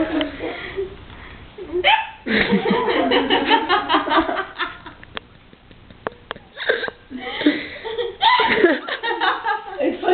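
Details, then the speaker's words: Sharp, brief catches of breath recurring irregularly among laughter and talk during spring break; hiccups. "somebody's got the case of the hiccups why"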